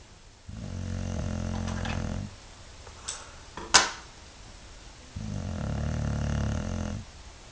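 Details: Sleeping dog with two long, low, rattling snores on the in-breath, with a quiet pause and a couple of small sounds between them; snoring.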